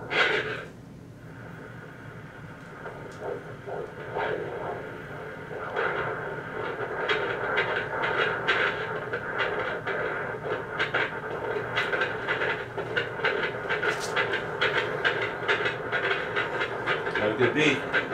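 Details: Fetal heartbeat on Doppler at 37 weeks 4 days of pregnancy (girl), which the doctor said sounds great: rapid whooshing pulses of about 130–140 a minute over Doppler hiss; the mother is 1/2 cm dilated and 80% effaced.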